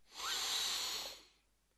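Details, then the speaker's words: Lungs of a patient with chest pain suggestive of angina, auscultated during deep breaths in and out: a smooth, airy, unobstructed breath without wheeze; lungs completely clear, normal breathing. "well now I want you to take deep breaths in and out while I check your lungs in out in out"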